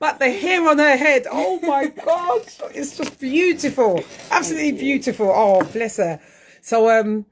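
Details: Adult woman speaking; normal voice.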